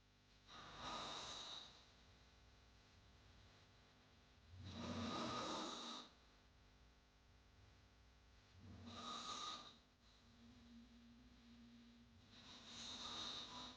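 Heavy, harsh snoring with noisy breaths about 15 a minute, some snorting on inhalation; a sound-effect recording.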